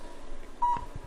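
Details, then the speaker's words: A short, clean electronic beep over faint room noise from a low-level cold laser running a plantar fasciitis program on the foot, signalling it is on. "Beautiful thing about this technique is you can hear the machine beeping. We know it's on."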